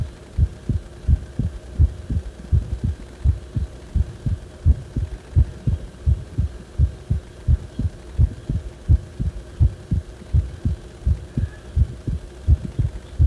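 Regular low heartbeat thumps at about 85 a minute with a steady hum behind them; abnormal heart sounds, no specific type named.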